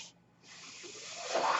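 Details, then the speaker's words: Brief pause, then a steadily building airy hiss as the speaker's own mechanical ventilator pushes a breath while he talks; mechanical ventilator breath cycle. "hello everyone my name is worried that noise you're hearing is my ventilator"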